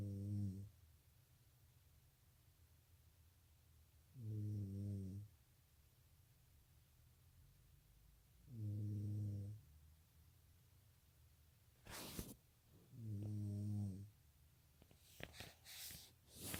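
Low, deep snores about every 4 to 5 seconds, roughly 13 a minute, in a quiet room: regular snoring.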